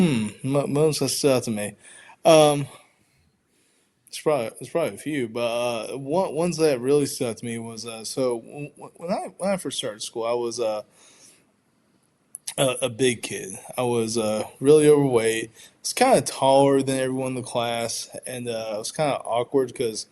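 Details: Stuttering in an adult man who identifies as a person who stutters, with audible word and sound repetitions.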